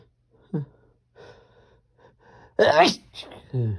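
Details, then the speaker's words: A short inhaled catch, then a loud explosive sneeze and a brief vocal follow-up: one forceful sneeze in a run of strong, desperate sneezes with a few stifled ones. "Jeez, these are strong."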